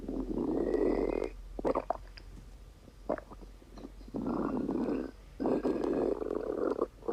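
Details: Repeated croaking, gurgling rumbles in bursts with quiet gaps: audible stomach rumbling (borborygmi).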